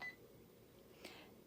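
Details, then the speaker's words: Single short electronic beep as OK is pressed to confirm an infusion rate of 75 on a Baxter Spectrum IQ smart IV pump, quiet room; normal infusion pump keypad beep. "so let's just say this is 75 but again you're getting this from the orders you're not making this up certainly click ok"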